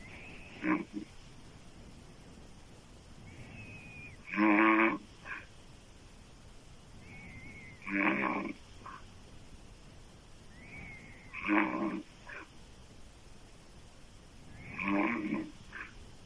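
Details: Adult woman snoring loudly with open mouth: rattling snores on each inhalation, about 17 a minute, with quiet pauses between.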